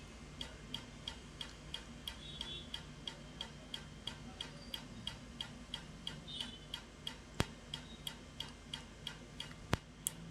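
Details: Laser removal of a tattoo applied about eight years earlier: regular sharp ticking clicks, about three per second, over low room hum, from the tattoo-removal laser pulses.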